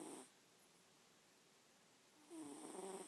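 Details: Sleeping cat snoring: two gentle snores with a buzzing, vibrating quality separated by a quiet pause.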